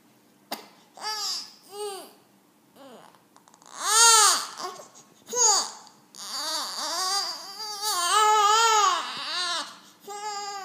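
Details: Baby crying: short fussing cries and wails, broken by pauses and babbling.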